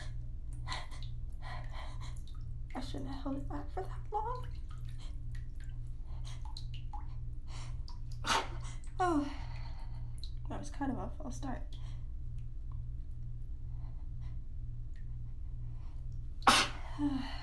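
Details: Sneezing fit after the sneezes were held back during an outing, recorded while a bath runs: running water with a steady hum, breathy catches, then short explosive sneezes near the end.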